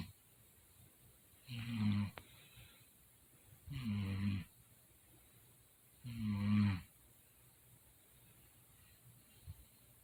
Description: when a mf say they dont snore so u stay up till 5 am just to prove a point to why they gotta sleep on the couch